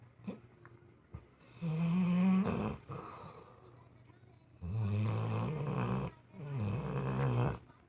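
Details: Snoring: loud, deep, rattling snores on the in-breath, three in about eight seconds, with quieter breathing between them.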